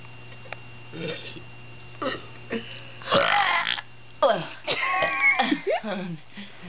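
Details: Several long, loud, voiced belches in a row with a little voice sound between them, made as funny noises; ordinary burping.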